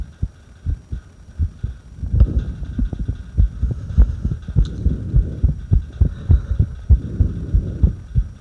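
Low heart thumps at roughly 100 a minute with uneven spacing between beats over a steady hum, consistent with an irregular heartbeat.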